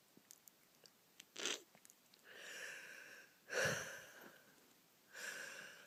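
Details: Repeated sneezing the person cannot hold back: quiet sniffling, then a few breathy, nasal, wheezy bursts resembling small sneezes or snorts.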